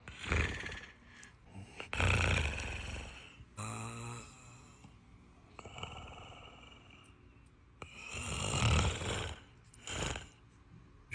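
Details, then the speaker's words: An adult man snoring hard in sleep, before nasal breathing strips are applied: loud, rough, rattling, fluttering snores every few seconds. His spouse says he isn't breathing correctly through his nose. "You were snoring hard. Watch. What is that? It's a nasal breathing strip."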